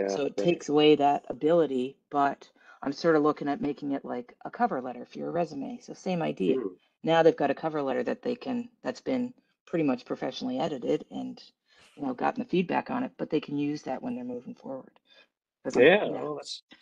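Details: Adult man; normal speech.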